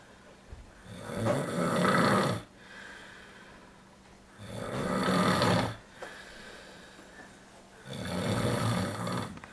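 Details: A father snoring while asleep, recorded on a secret camera: loud, rattling snores on each breath in, roughly 18 a minute, with quiet breathing between.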